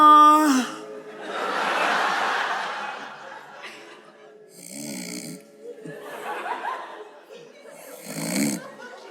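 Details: Simulated snoring by a man in a comedy sketch about hypnosis curing his lifelong snoring: several loud, rough, rattling breath sounds in sequence, with faint audience noise; acted snoring.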